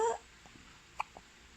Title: Early morning hiccups